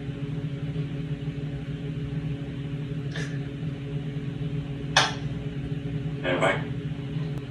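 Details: Rescue parrot producing two or three short, dry, cough-like bursts over a steady low hum; parrot imitating a cough.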